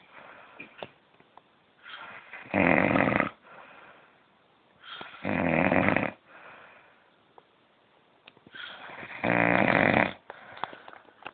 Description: my dad says he cant snore so i video him sleeping and proved him wrong.